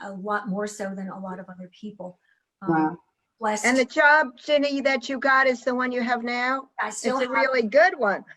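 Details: Adult women in conversation; no disorder.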